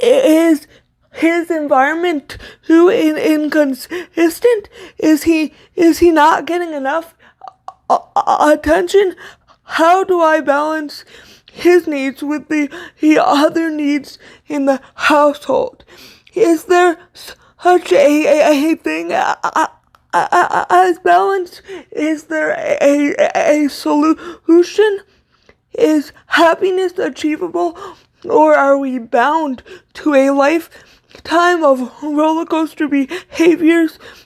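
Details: Stuttering in an adult woman with cerebral palsy, a neuromuscular disorder affecting motor control including speech; she says her stutter worsens when reading aloud, and here she is reading aloud.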